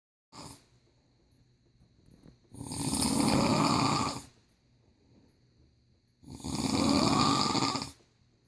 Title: Sleeping snoring